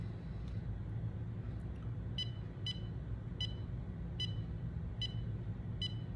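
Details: Portable wireless EMAY EKG monitor during a 30-second self-test, held with fingers on the sensors while the user stays quiet: six short electronic beeps about 0.7 seconds apart over room hum, ending when the result shows.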